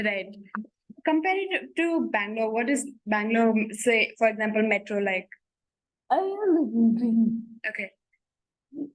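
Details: Adult woman speaking; typical speech.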